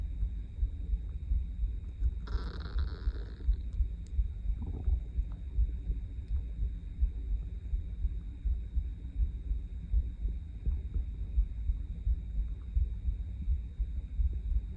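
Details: Adult, stomach empty for over 20 hours, at 7am before breakfast: low rumbling gurgles with a brief louder growl, hunger stomach growling (borborygmi) loud enough to hear without a mic.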